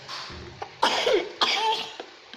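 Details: A young child gives two short, sharp coughs in a quiet room while playing at cooking with toy food; the child is told to cover the cough and drink something warm.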